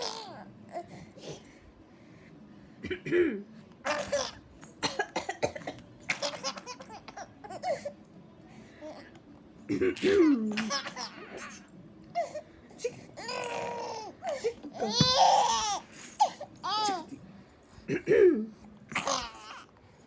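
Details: Granny coughs repeatedly in short bursts while a baby laughs back between the coughs; cough.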